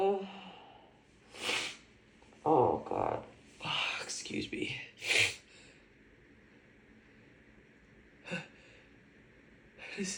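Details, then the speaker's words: Female with a bad cold, in a compilation of her cold sneezes: she says she has to sneeze, with quiet speech and a breathy build-up broken by sharp sneeze and snort bursts. "Oh, excuse me. I think I have to sneeze."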